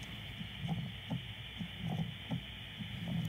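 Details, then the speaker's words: 42-year-old woman with palpitations and atrial fibrillation: low-pitched, irregular heart sounds with a soft low-pitched decrescendo-crescendo rumbling murmur between beats; mitral stenosis diastolic rumble. "on physical examination you will heard a low pitch decrease endocracendo type of murmur Delta picks after this"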